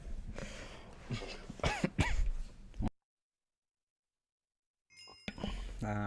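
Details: Harsh coughing and throat-clearing bursts over faint room noise, then a pause and another bout, from a person who is sick and gaming during a livestream; congested cough.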